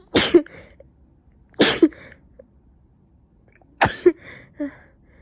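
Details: Three sharp sneezes, each with a quick inhaled catch before it and a soft sniff or throat sound after, in someone who probably caught another cold: stuffy nose, coughing, severe headache and fever after waking.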